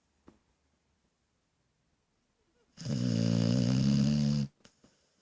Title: Snoring dog